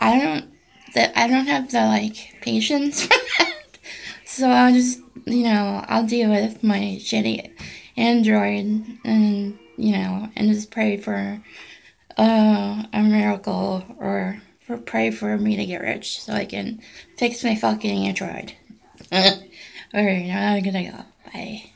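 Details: Adult woman with essential tremor affecting her voice, arms and hands, worse when nervous; voice may be hard to understand; essential voice tremor.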